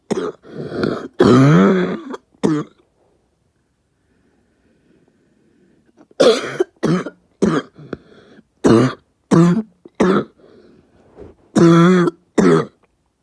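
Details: New cough: loud, harsh coughing in two bouts with a pause between, about a dozen forceful coughs with some throat-clearing quality.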